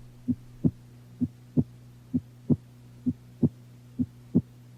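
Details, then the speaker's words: Normal heart sounds, S1 and S2, auscultated with stethoscope diaphragm at the aortic area, right second interspace close to the sternum; normal rate 60–100 beats per minute and regular rhythm. "Normally the rate is 60 to 100 beats per minute and the rhythm is regular. Identify S1 and S2 in the aortic"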